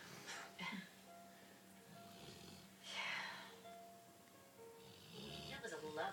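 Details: Acted scene of an adult man snoring: rough, noisy snoring breaths recurring every few seconds, partly masked by background music.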